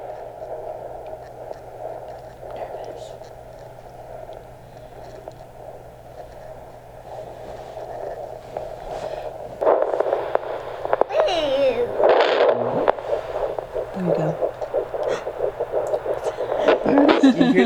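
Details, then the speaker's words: Fetal heartbeat on home doppler during a second pregnancy: fast, rhythmic whooshing pulses through doppler static, louder with scraping probe noise in the second half. "it's okay that's your brother or sister that's the baby heartbeat do you hear there you go a that sounds really good"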